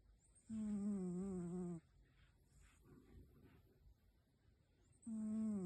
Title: Sweet Snoring Kitty, Sound Up! 📣 #cat #sleepingcat #cute #dreamcat #beautifulcat #snoring